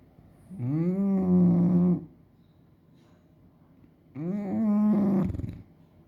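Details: A dog snoring: two long, loud, droning breath sounds with a quiet pause between them.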